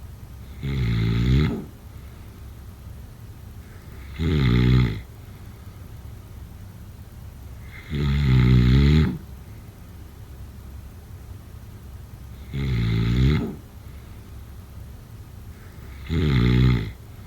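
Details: Five loud, rattling snores recurring roughly every four seconds over quiet pauses, a steady snoring pattern.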